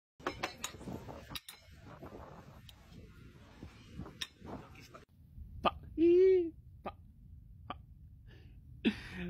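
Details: Man with Tourette syndrome, real, whose vocal tics of words and sounds interrupt his speech; Tourette syndrome vocal tics.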